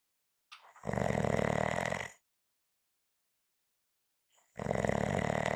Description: This is a 5 minute clip of snoring. If you like it, you will find more at the end.